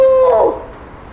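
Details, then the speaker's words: A child imitates a sneeze: a held rising 'ah' that breaks into a short falling burst, an imitated sneeze. "next we're going to talk about peeing i mean no i mean sneezing look peeing and sneezing rhyme don't they anyway sneezing is like this"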